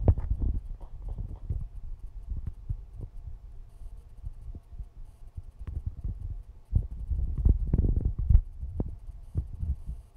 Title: Alfie Pug Snoring And Dreaming